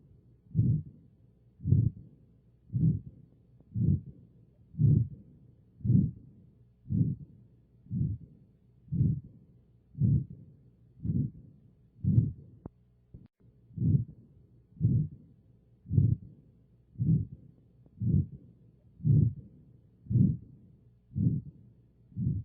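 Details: Aortic stenosis heard by stethoscope: steady heartbeat near 58 a minute, each beat carrying a rough, drawn-out whooshing murmur.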